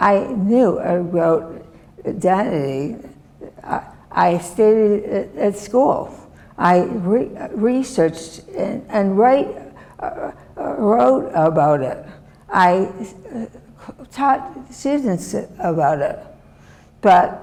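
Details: Adult woman, former professor, with non-fluent aphasia from a severe stroke in 2010 that left her right side disabled and took her speech; she relearned making sounds and still cannot speak as before; non-fluent aphasia after stroke.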